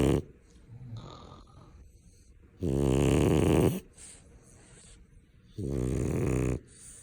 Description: Grey dog tops the charts with his snoring abilities!!!